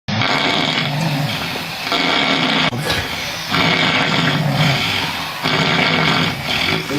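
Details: Person snoring loudly on a live stream, with breathing in between, back-to-back loud snores; snoring.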